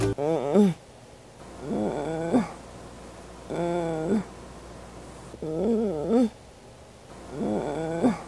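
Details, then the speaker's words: Repeated short, low, voiced grunts with each breath out, about 34 a minute, in a baby or child; expiratory grunting, a sign of labored breathing such as pneumonia, distinguished from ordinary snoring. "Kaya dapat mo na siyang dalhin sa ospital para siya ay ma-examine mabuti ma-diagnose ng tama at agad na mabigyan ng nararapat na lunas ganito ang tunog ng"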